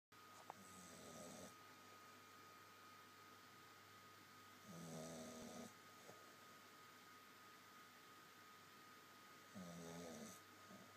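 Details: Slow, rhythmic snoring with a rattling, voiced quality on each breath, about 13 per minute, over steady room hum.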